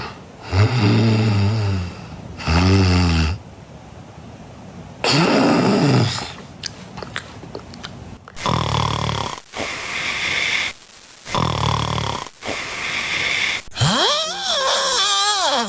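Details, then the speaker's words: Two or more snoring sounds in a row, one with interrupted, gasping breathing; a pathological snore of sleep apnoea-hypopnoea syndrome. "告诉大家正确答案就是第3种，刚才那种断气式的打呼噜。其实这种打呼噜是一种病态的打呼噜，有个医学名词叫睡眠呼吸暂停低通气综合征。"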